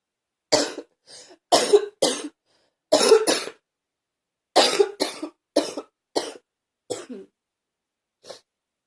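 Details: Ongoing cough in a person who is still coughing.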